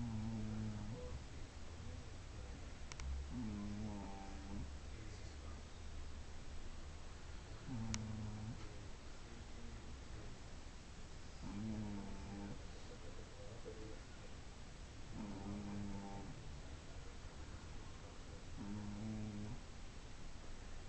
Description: Gigi, the chubby Shih Tzu, is snoring in this video as she takes a nap.